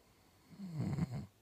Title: Proof he snores